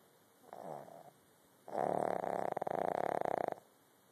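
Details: A short breath followed by a loud, fluttering, rattly snore lasting about two seconds; snoring.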